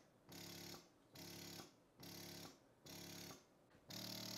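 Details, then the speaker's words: Regular motor whir cycling about once a second: a Spectra electric breast pump on its quicker, lighter stimulation rhythm, used for the first one to two minutes to trigger let-down. "this is the rhythm that i start with as you can hear it it's quicker"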